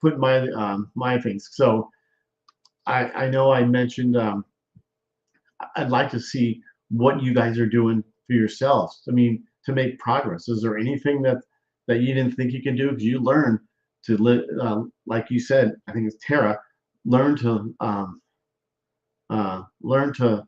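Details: Male stroke survivor with post-stroke aphasia and word-finding difficulty; aphasia.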